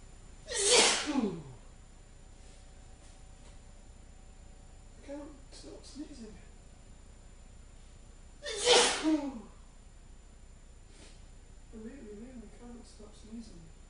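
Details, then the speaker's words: Adult male deliberately acting sneezes on camera, claiming an itchy, irritated nose: two loud forceful sneezes about eight seconds apart, each preceded by a quick inhalation, with quieter breathing and talk between. "I'm going to sneeze. I told you I was going to sneeze. I've got a really itchy nose. As you can see, it's making me sneeze a lot."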